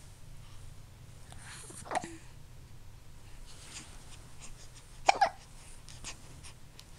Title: Just being cute with hiccups